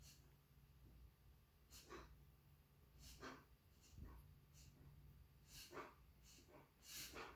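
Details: Dog with sudden reverse sneezing after dinner, lasting about a minute, no prior episodes, a couple of ordinary sneezes mixed in: repeated harsh snorting breaths drawn in through the nose.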